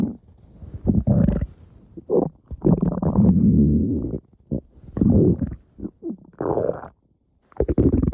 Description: Here's a special stomach growl video just for you!